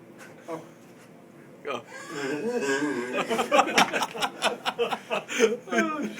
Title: Wheezing laugh